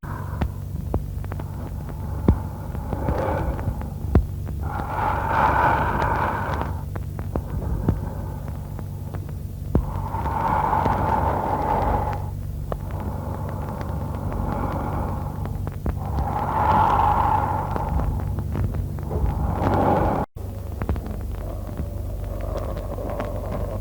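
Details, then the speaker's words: Lung auscultation teaching recording of a pathological breathing pattern: deep, loud, regular breaths of large amplitude with long rushing airflow sounds over a steady low hum; Kussmaul breathing. "следующий патологический Дыхание это дыхание кусман дыхание характеризуется глубокими дыхательными размахами"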